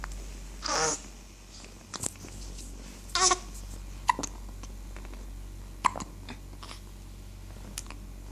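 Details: Male, hiccups: two short, sharp hiccup bursts, each with a sudden catch, about two seconds apart, followed by faint clicks in a quiet room.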